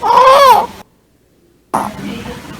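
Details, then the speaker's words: Newborn with congenital vocal cord paralysis: high-pitched inspiratory stridor with severe inspiratory chest wall (sternal) retraction, recorded after dynamic awake examination; inspiratory stridor from vocal cord paralysis. "lo más frecuente laringo Malasia pero esa tonalidad alta es característica de la parálisis de cuerdas vocales"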